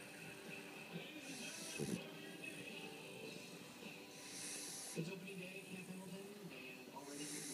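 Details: Rhythmic, noisy, snorting breaths repeat about every three seconds, roughly 21 a minute, over steady room noise; snoring.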